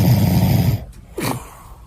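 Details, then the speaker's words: Adult man's snoring recorded during sleep: a loud, low rattling snore on the inhale fading into a quieter breathy rasp between snores, likened to Darth Vader. "he does sound there's a moment in between the snores though you're right where it sounds like Darth Vader"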